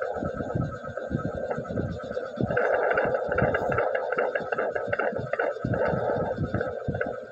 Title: fetal doppler #doppler #everyone #pregnant #7months